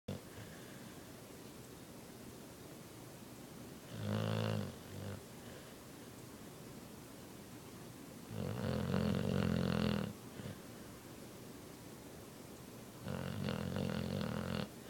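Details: Blue nose Pit Bull dog in deep sleep snoring super loud: three deep rumbling snores, each one to two seconds, with quiet pauses between; snoring.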